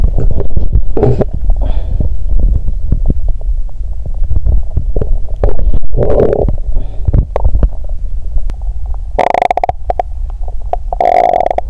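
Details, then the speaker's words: During days 1–4 of a 7-day fast: loud stomach rumbling and bowel movement sounds likened to construction noise; hunger borborygmi. ""ดูเหมือนท้องของฉันจะประสานกับเสียงการก่อสร้างที่ดังกระหึ่ม""ดู!"."เอ๊ะ!ฉันได้ยินเสียงก่อสร้างดังมาจากท้องของฉัน!""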